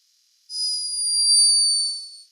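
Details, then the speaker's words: Sleeping hummingbird recorded by a scientist in Peru: thin, very high-pitched whistling snore lasting under two seconds. "a scientist in Peru captured this escaping from the tiny body of a sleeping hummingbird a high-pitched but unmistakable"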